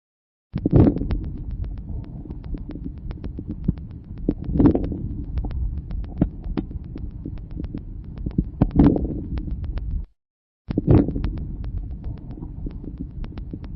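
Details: Teaching lung-sound recording: a few short crackles clustered at the very start of each inspiration, early inspiratory crackles, described as characteristic of severe bronchial obstruction.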